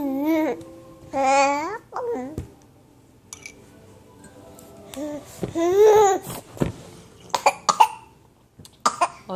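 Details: Infant fussing and whimpering, then several short coughs while eating, sneezing out breakfast onto the couch.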